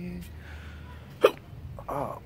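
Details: A single short, sharp, voiced hiccup over steady background noise from a person with ongoing hiccups.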